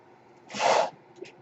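A single soft whoosh of air lasting under half a second, then a faint click, from a mechanical ventilator cycling a breath in a quiet room.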